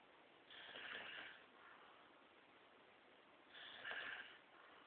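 Two rough, snorting breath sounds about three seconds apart against quiet background; snoring.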